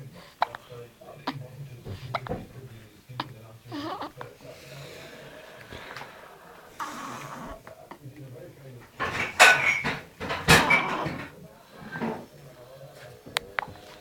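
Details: 14-day-old newborn's repeated short hiccup clicks, about one a second, with soft baby noises between; hiccups.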